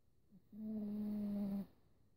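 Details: A single drawn-out, buzzing snore lasting about a second in an otherwise quiet room; snoring.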